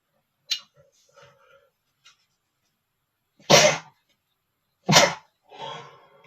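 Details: Male: two sharp, explosive sneezes, not powerful, each preceded by quiet breathy build-up sounds, with a soft exhaled sound after; sneezing.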